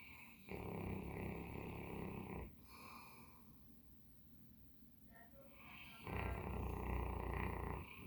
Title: Max our Bernese Mountain Dog snoring